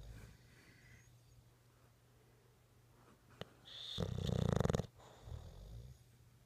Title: Bulldog Winston snoring